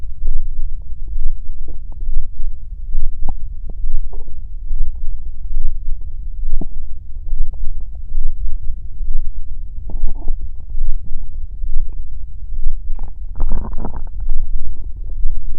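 Continuous low rumbling with gurgles and bubbly bursts: stomach growling, ordinary bowel sounds recorded up close.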